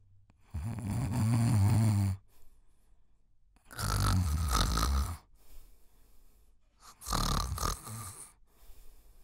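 Three loud, deep rattling snores with quiet pauses between, about 20 a minute, typical snoring.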